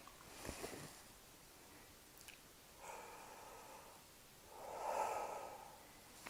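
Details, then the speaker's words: Patient taking slow, deep breaths in and out through the mouth during a nurse's anterior lung auscultation demonstration: soft, airy inspiratory and expiratory sounds with no added noises, normal breath sounds. "what I'm going to have you do is take one breath in through your mouth and out through your mouth and if you start to get dizzy or anything let me know and we can slow down okay"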